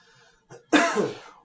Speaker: and then of course we want to look in this area in the inguinal area and in the femoral area to see if there are any pulsations when the person coughs cough again